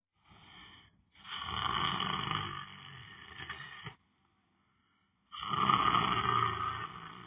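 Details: Person lying down on the floor, sleeping: loud, rough, rattling breaths with a short silent pause between them, snoring.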